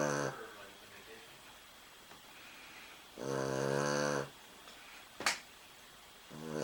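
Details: Loud, rattling snores from a sleeping dog, a long buzzing breath every few seconds with a brief snort between; snoring.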